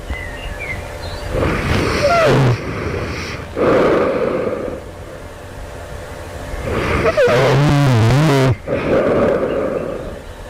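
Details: An adult snores loudly right before waking at night, with harsh rattling snores in long surges and quieter breaths between. The snorer wonders whether this is developing sleep apnea.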